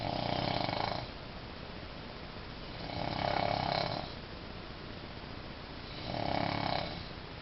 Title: snore of the century